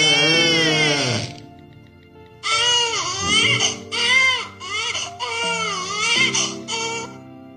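An infant cries in a long wail followed by several shorter, wavering bursts over faint background music; an ordinary tired cry.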